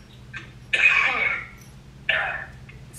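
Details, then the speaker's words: An adult man who is sick gives two harsh, noisy cough bursts, heard faintly over a phone line: cough. "I have him muted on the phone but just to recap if you didn't watch the last video um he is sick as you can hear him"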